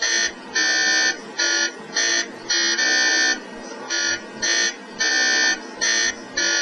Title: MRI Scan Sound Effects